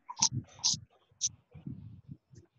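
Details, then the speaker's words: Child with stertor: low, rough snoring-type noises with breathing, arising from the nasopharyngeal airway. "now this part of the airway which is marked with blue is the nasopharyngeal airway in the family which gives you the sound"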